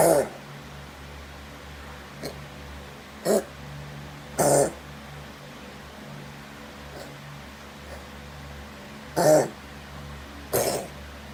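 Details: Cat coughing: a series of short, harsh, irregular coughing bursts over steady low room hum.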